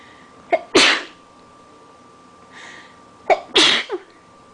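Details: Two sneezes, each a sharp in-breath before an explosive burst, in a quiet room with a faint steady hum; allergic sneezing after leaving a window open, sneezing repeatedly all morning, partly suppressed.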